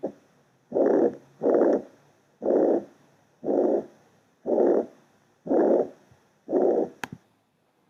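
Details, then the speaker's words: Rheumatic fever carditis: regular long blowing whooshes, about 60 a minute, each filling the whole systole, with a normal-intensity pulmonary second sound: holosystolic murmur of mitral regurgitation. "o con un segundo ruido pulmonar de intensidad normal ese es el soplo o lo sistólico"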